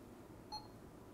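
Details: A single short electronic beep in a quiet room as a Fresenius Kabi Agilia SP syringe pump is started after a bolus is programmed, in an infusion pump training demonstration. Infusion pump start beep.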